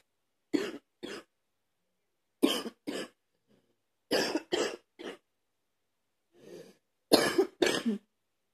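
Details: A man cleaning his truck with a cough that is not getting any better: several short bursts, mostly in pairs, with a soft throat clear between; repeated dry-sounding cough.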